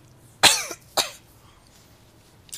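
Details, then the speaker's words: Two sharp cough bursts, roughly half a second apart, with the start of a third, from a sick adult commentating a match who says he coughs all the time. "And here we are, so that's why you will hear me coughing all the time, and that's about it."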